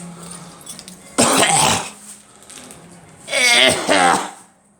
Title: Me coughing